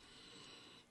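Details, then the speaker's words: Brief harsh, hissing inspiratory stridor with rough airy quality from an adult whose airway narrowing is described as subglottic, just below the vocal cords, due to a disease that closes off the airway; tracheal resection discussed. "no it's a disease it closes off your airway what about your vocal well mine is subglottic so it's just below the vocal chords"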